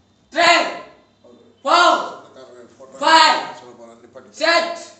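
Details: Male patient with puberphonia (mutational falsetto), speaking and shouting in an ENT clinic after an ENT procedure; puberphonia.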